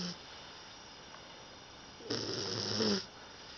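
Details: 16-week-old female English Bulldog puppy asleep, giving one rough, rattling snore about a second long against quiet room noise.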